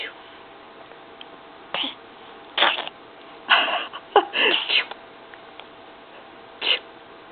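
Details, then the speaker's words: Fake (simulated) baby sneeze, with "achoo" spoken: several short, sharp bursts of air over a steady room hum; a run of sneezes. "you say achoo? Achoo. Achoo."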